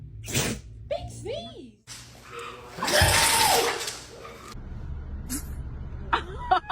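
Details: Dog giving a single big, sharp, forceful sneeze, with people talking and laughing around it.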